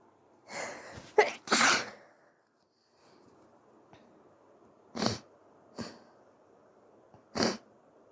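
Several soft, sharp sneezes after a few breathy false starts, with faint background hiss; repeated sneezing.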